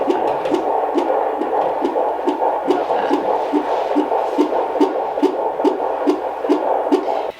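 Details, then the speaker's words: Fetal heart tones on Doppler at a midwife prenatal visit, second pregnancy: rapid, regular whooshing at about 140 a minute, normal, one late contraction heard. "Yeah, I'm not hearing anything. It sounds really good. I just heard one late contraction there."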